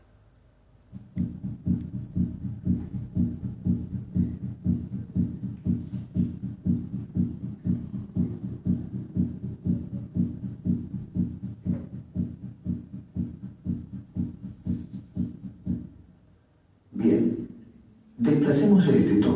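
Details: Normal heart sounds over the aortic area at 120 beats per minute in a veterinary teaching recording: regular beats with S2 louder than S1.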